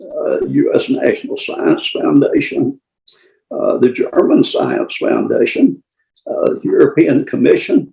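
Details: Adult with adductor spasmodic dysphonia (laryngeal dystonia), treated with Botox injections and near his next injection with increased voice strain; has tried vibro-tactile stimulation (VTS) laryngeal vibration therapy; adductor spasmodic dysphonia.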